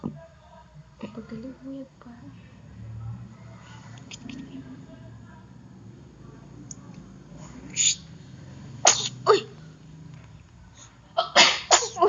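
Small sharp bursts of air among quiet adult talk and room noise, heard as a baby's little sneezes.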